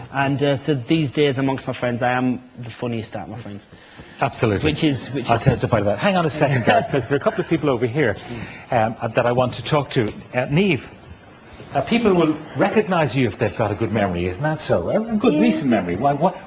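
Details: Adult men talking in a broadcast interview; ordinary conversational speech.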